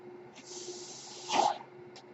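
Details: Mechanical ventilator breath cycle.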